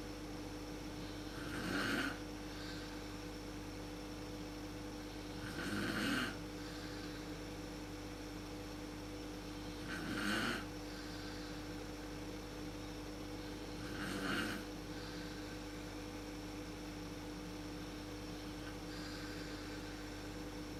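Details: Adult woman (mother) snoring in a dark room, worst at sleep onset, recorded on a PowerShot SX130 IS camera: four rough snoring breaths about every four seconds, roughly 14 a minute, over room hum.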